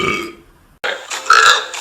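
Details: Two loud, throaty belches in quick succession, the second longer and rougher; burping.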